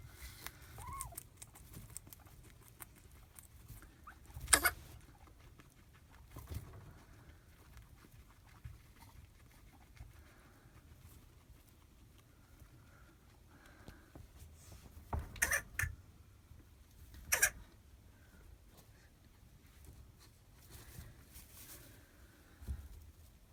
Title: Guinea pig coughing